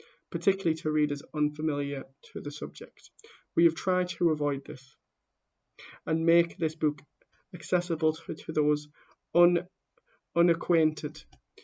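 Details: Stammering in a person who stammers, heard while reading a book introduction aloud.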